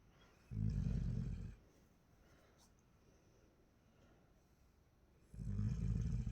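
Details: Sleeping child, recorded secretly at 2:47 a.m. while lying turned over beside father, snores like this every night: two deep, rumbling snores about five seconds apart with quiet breathing between, about 12 breaths a minute.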